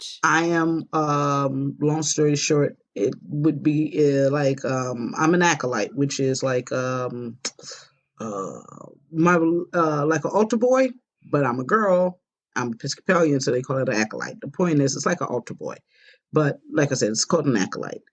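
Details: Aphasia with impaired word retrieval in an adult woman after a stroke about five years earlier.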